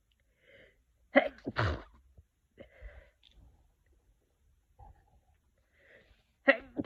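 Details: Two sharp sneezes, each preceded by a quick intake of breath, in a quiet room at the start of a cold; ordinary sneezing.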